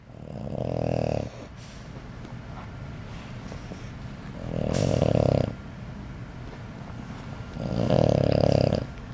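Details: Loud, rough rattling snores, three in about nine seconds, with quieter breathing between; heavy snoring.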